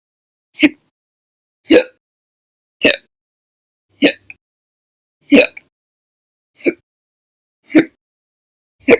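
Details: Eight abrupt, short hiccup sounds in nine seconds at irregular, roughly one-second intervals, each a sudden gulping catch of breath; hiccups, audio only, recorded during April 2020.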